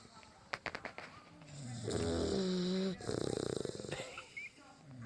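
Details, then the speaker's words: Two sleepers (one called Mama) taking turns snoring, alternating: long, low, fluttering breaths with a buzzing, vibrating quality and a few snorts. "taking turns snoring. You can hear both of them alternating."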